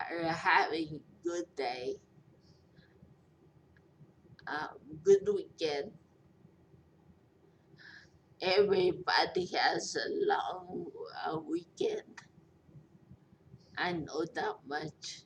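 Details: Post-stroke speech impairment in a 43-year-old woman after a major stroke with a long recovery; she says she is hard to understand.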